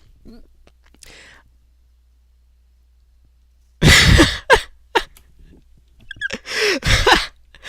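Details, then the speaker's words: Adult with hiccups while recording: sudden, sharp, gulping catches of breath in a quiet room; hiccups. "first of all excuse the hiccups and that's what i want to talk about actually in this video"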